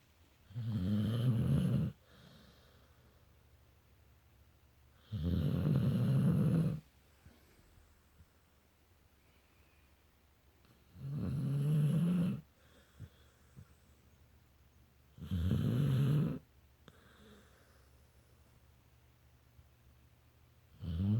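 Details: Pet snoring while asleep: five low, rumbling snores roughly every four to six seconds in a quiet room.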